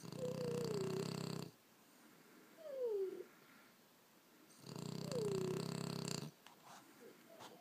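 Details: French bulldog sleeping, with another French bulldog also snoring in the background; loud rumbling snores on each in-breath, quieter whistly out-breaths, about three snores at a slow steady rhythm: snoring.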